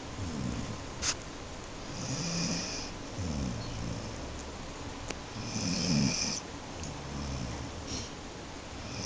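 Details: A sleeping individual snoring softly and rhythmically, with rumbling breaths and gentle hissing exhalations about three every nine seconds over steady room noise; snoring.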